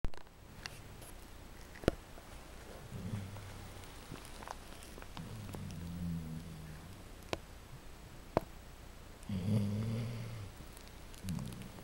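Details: Male dogs snoring at 2 a.m. with low, soft, rumbling snores every few seconds, over room noise with occasional sharp clicks; snoring.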